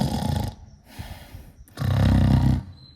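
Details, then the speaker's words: Imitated snoring by an adult man in a soldiers' guard chamber of Chitradurga fort, showing how snoring would sound and echo inside the room. "ಅವರು ನಿದ್ದೆ ಮಾಡಿದಾಗ ನನ್ನಂಗೆ ಗೊರಕೆ ಹೊಡೆದ್ರೆ ಈ ರೀತಿ sound"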